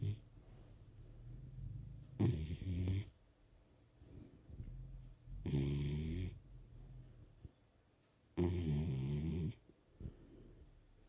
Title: My dog snoring so loud..!